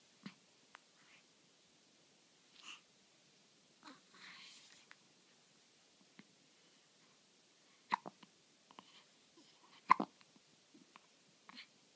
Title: Baby hiccups June 13